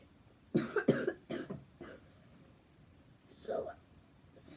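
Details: Little cough in someone getting ready for school, who says their ear got infected yesterday: a short run of four dry, light coughs, then one softer cough, in a quiet room.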